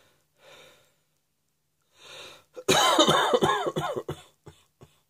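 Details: Two audible breaths in, then a harsh run of about five coughs trailing into small hacks.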